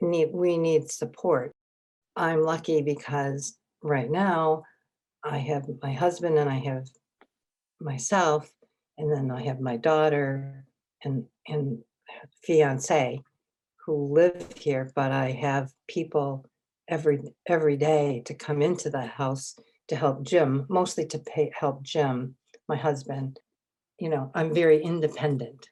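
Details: Adult woman with aphasia acquired from a stroke three years earlier; aphasia.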